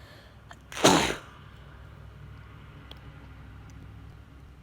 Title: Huge sneezes